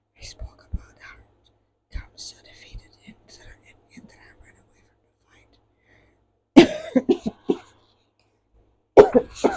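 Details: A single cough from the reader during a spoken ASMR book reading.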